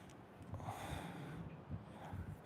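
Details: Young halter gelding horse, thought to be about three, standing calmly during an equine chiropractic exam of the head and TMJ: a low, fluttering snort through the nostrils with soft breathing around it.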